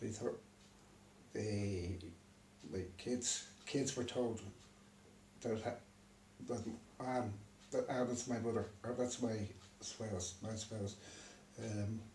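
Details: Man with aphasia after a stroke, left unable to read or write; aphasia.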